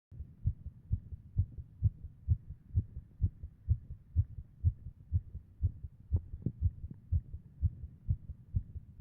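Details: Heart sounds presented with an MRI image: regular, rapid, low heart thumps at about 128 a minute, with a faint hum between beats.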